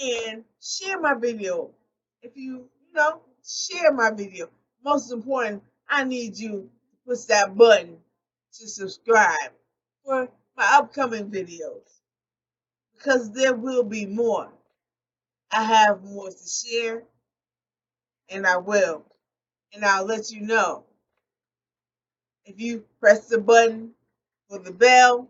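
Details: Adult woman with post-stroke aphasia, real, speaking unscripted; she says she does not always correct her word errors. Finding: aphasia.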